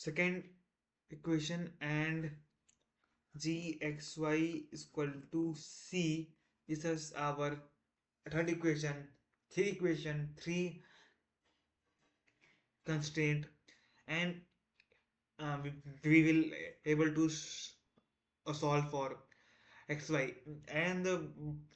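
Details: Male self-described person who stammers, day 1 of a 30-day stop-stammering challenge, trying not to stammer while explaining a math topic; repetitions and fillers audible; stuttering.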